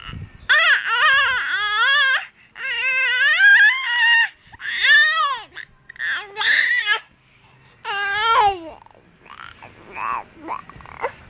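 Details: Infant (recorded March 27, 2011) crying, wavering cries broken by pauses and babbled "papapapa" syllables, settling into softer whimpers while being comforted.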